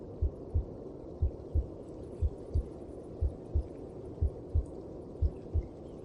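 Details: Heartbeat as heard inside the mother's belly: steady, regular low double thumps at about 60 beats a minute over a soft muffled whooshing background.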